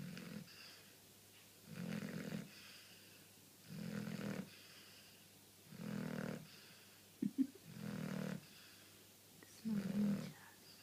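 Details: Regular rumbling snores, about 30 a minute, each a low rattle on the breath with quiet pauses between, from a sleeping dog; snoring.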